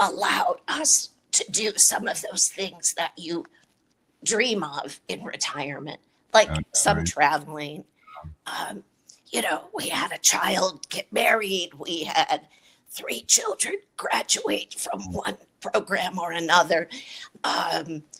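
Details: Adult woman with a chronic voice disorder treated with Botox injections to the vocal cords; dysphonia.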